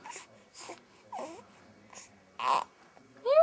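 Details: Infant during tummy time: short fussing cries and whimpers in a small room, rising to a louder wail at the end; an ordinary infant cry.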